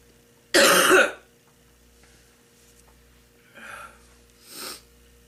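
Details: Grandmother, a smoker, coughing up gunk from her lungs before her first cigarette: one loud, harsh cough then two weaker coughs, a productive cough.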